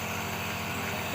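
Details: Nebulizer compressor running at home for a baby's cough and cold: a steady, loud motor hum with a rapid buzzing pulse.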